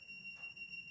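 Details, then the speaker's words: Steady, high-pitched electronic beep from a Woodpecker Fi-P cordless gutta-percha obturation pen, set to 200 °C, signalling it has quickly reached operating temperature; the beep volume is adjustable. "notice how you can hear the sound of the beeping if that's too loud you can press the power button and then you can adjust it"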